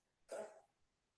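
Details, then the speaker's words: A cat coughing, presented as the cough of feline asthma: a single harsh, dry, hacking cough. The cat stretches its neck and lowers its abdomen, as if trying to bring something up. "Ahí estamos viendo un gatito tosiendo. Escuchen ese ruido. Ese ruido es como que se quisiera sacar algo y además estira el cuello."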